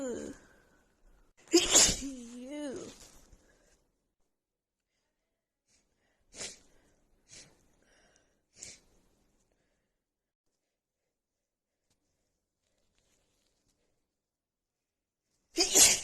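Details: Sneezing from a female during a really bad, stuffy cold, compiled over a couple of days: several sharp, forceful sneezes, one with a voiced cry-like tail, separated by quiet.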